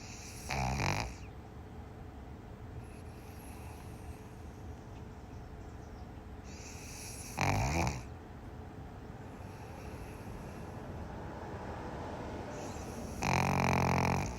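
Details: Pug sleeping and snoring: three rattling snores about six seconds apart, roughly ten breaths a minute, with quiet breathing between.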